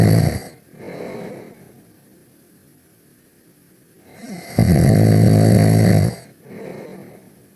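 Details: Cartoon character snoring during a nap: a long droning snore between softer breaths, a sound-effect imitation rather than real sleep breathing.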